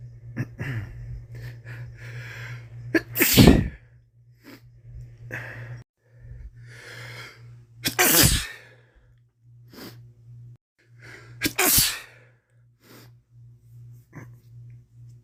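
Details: Adult male with a common cold: several loud sneezes in a row with sniffles and breathy gasps between them, over a steady low hum; sneezing and sniffling from a cold.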